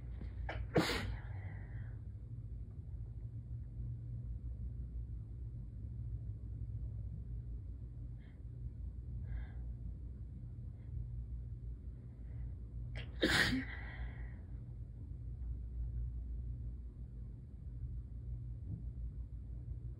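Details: Sick person's sneezes: two sharp sneezes, one early and one later, with a faint sniff between, over steady low background hum.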